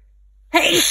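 A single sudden, loud, hissy sneeze from an adult with a cold.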